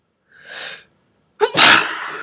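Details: Breathy sneeze: a soft breathy inhale followed by one sharp, airy sneeze burst.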